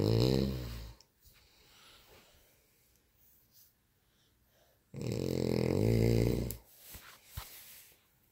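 Loud low rattling snores on breathing in, with quiet breathing out between them: heavy snoring.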